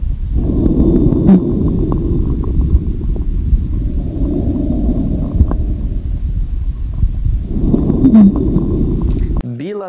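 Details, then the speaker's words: Patient with acute dyspnea and 7 days of fever, an intravenous drug history, and a mitral insufficiency murmur, auscultated at the lung bases: many brief fine crackling pops; bibasal fine crackles from pulmonary congestion. "você auscutou creptações finas nesse paciente que tem um sopro de insuficiência mitral, pelo que a gente falou."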